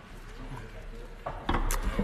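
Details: A man speaking about hospital funding: low background rumble, then abrupt harsh bursts near the end as he coughs and splutters mid-speech; cough.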